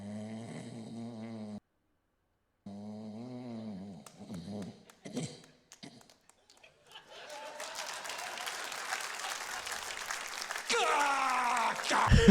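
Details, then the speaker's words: Person imitating obstructive sleep apnea: loud droning snores, a silent pause, then choking snorts, followed by applause; simulated sleep apnea snoring. "that's a great that's okay if you know somebody that sleeps like that you better get him a CPAP machine or it won't be long until their time"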